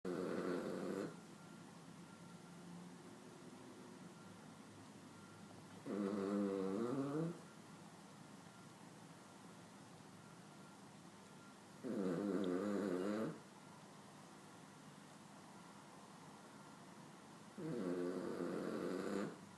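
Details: 16-year-old dog that falls asleep in seconds and snores all day and night: rattly snoring breaths about every six seconds (roughly 10 per minute); plain snoring.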